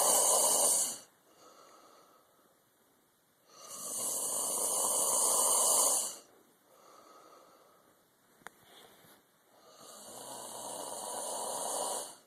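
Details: Loud, rough, hissing breathing noises recur about every six seconds from a sleeping adult: snoring.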